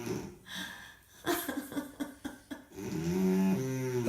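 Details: Rough, rattling snore ending in a low drawn-out groaning tone, over room noise, from a woman; snoring.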